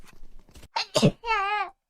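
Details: Quick breathy build-up, then an explosive sneeze burst followed by a drawn-out voiced 'ah'; sneezing.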